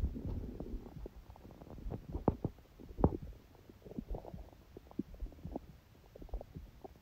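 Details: Hunger bowel sounds (borborygmi): low gurgling rumbles with scattered bubbling pops; recording also includes sneezing; ordinary hunger stomach growling.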